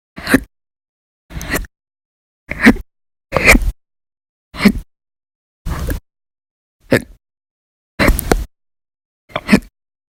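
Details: Nine sharp, abrupt hiccups about one per second in a steady run, from a person with persistent, violent hiccup bouts lasting hours at a time over November 1–20, 2019.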